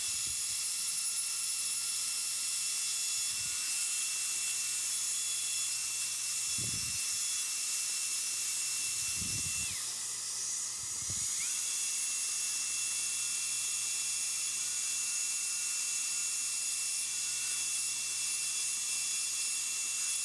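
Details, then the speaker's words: Continuous high whine and hiss of a high-speed dental drill, dipping in pitch with low clunks, doing gingival reduction toward the canine, bur tip used as a depth cutter after incisal reduction, for anterior crown preparation. "we can then jump over it and open back up a little bit to the canine and do the same thing using the tip of my Burr as a a depth cutter"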